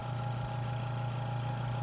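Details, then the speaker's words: Tracheostomy suctioning: steady low motor hum of the suction pump running. "i'm going to insert it four to five inches and i'm gonna intermediate intermittent suction on the way out swirling around"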